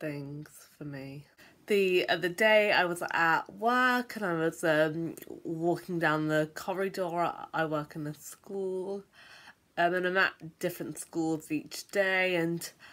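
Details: Stammering in an adult.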